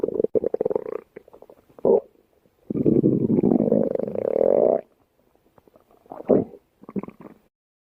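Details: Stomach growling (borborygmi).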